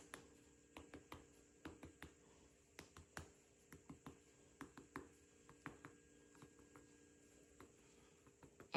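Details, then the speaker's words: Finger percussion of a male patient's abdomen during a head-to-toe nursing assessment, moving upward from the left across the abdomen: sharp, hollow taps giving tympany, a normal finding over gas-filled bowel. "we'll do that and throughout this entire process you should hear timpani"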